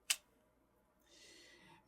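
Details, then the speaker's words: Endoscopic vein harvesting with a McKay scope: a single sharp click, then a soft sliding hiss as the camera is pulled back to avoid getting caught on the tunnel wall. "it's a really good habit to get into of of pulling your camera back and it'll sound like this"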